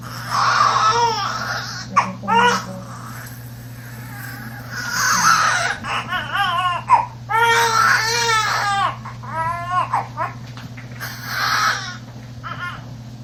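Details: Loud, repeated, strongly voiced crying bursts from a newborn boy just after a fast normal vaginal delivery (mother's second baby), with steady low room hum; a vigorous cry.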